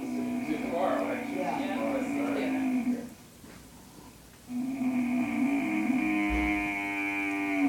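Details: Grandpa sleeping and snoring: two long, loud, droning tonal snores likened to a car engine, with a brief quiet pause between them; unusual musical snoring.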